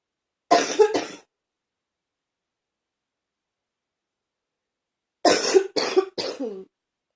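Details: Two bouts of harsh coughing, two coughs then three, separated by a few seconds of silence; the person is still coughing after repeated episodes.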